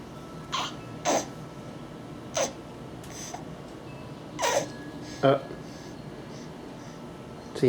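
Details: 3-month-old baby boy, filmed for hiccups: several short, sharp bursts about a second apart over room hum; repeated small sneezes.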